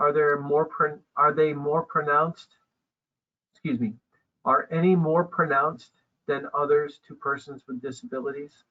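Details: Adult man speaking; ordinary speech.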